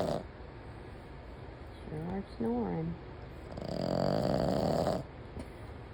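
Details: Female sleeper, usually quiet, snoring heavily: low, rough snoring breaths over a steady background hum, with a brief whine-like sound in the middle.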